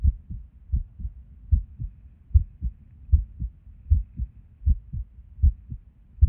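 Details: Resting heart recorded at Erb's point while sitting at a desk, heart often skippy with and without reason: heart sounds about 77 a minute with uneven spacing and occasional pauses; irregular heartbeat with skipped beats.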